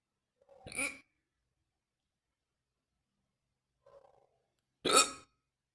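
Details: Fast, deep hiccups described as painful: two sharp, abrupt hiccups several seconds apart in a quiet room, each a sudden catch of breath with a short voiced click; hiccups.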